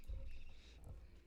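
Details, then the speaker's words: Sleeping dog snoring loudly: a low rumbling snore with a strong rumble early on and a second, weaker one near the end. "I don't know if y'all can hear that, but Misha is snoring. >> She's hardcore loud. >> She's seepy. >> She's hardcore snoring."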